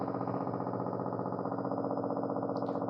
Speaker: this is a very regular sound okay this is when you use amplitude trigger you can see it has a fixed configuration which keeps repeating okay so you can trigger on it you can superimpose it it's exactly the same pattern that gets repeated over and over and the firing rate is very very regular